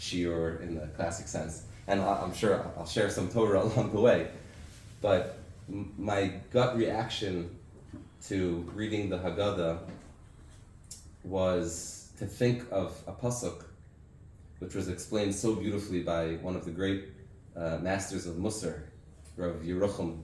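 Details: Adult man with aphasia after a stroke six years earlier that also caused memory loss and loss of use of an arm; has difficulty speaking, reading and writing; reading a prepared text aloud; aphasia after stroke.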